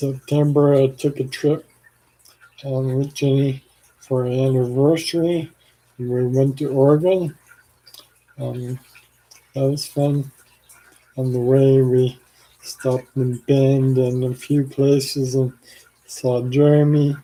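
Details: Adult man with ALS, 4 years after diagnosis and 14 years after symptom onset, on blood thinners for blood clots; worsening slurred speech, saliva and phlegm buildup with frequent swallowing, and arm weakness; finding: dysarthria (ALS).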